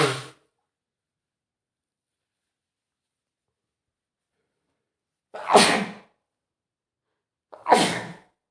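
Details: Adult man with a spring cold and runny nose sneezing: three sharp explosive sneezes, two with a quick catch of breath before them, in a quiet room.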